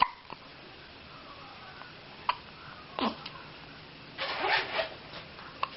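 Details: Infant hiccups: several short, sharp hiccup catches at irregular intervals, with a faint breathy baby sound and quiet room noise.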